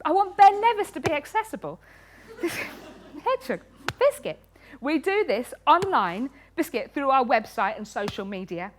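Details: Woman with Tourette syndrome, a neurological condition causing uncontrollable movements and noises, with very frequent involuntary word tics (one word up to 16,000 times a day); vocal tics (Tourette syndrome).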